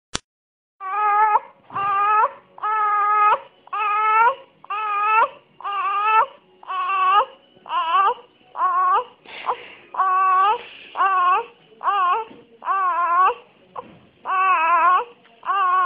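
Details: Newborn baby girl about 10 minutes old making about fifteen short, high, squeaky crying bursts in a quiet room; a normal newborn cry.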